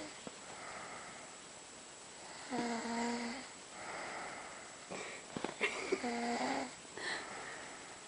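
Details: Irregular breathing with whistling, tonal snore sounds and a few sniffs, faint steady room hum; snoring.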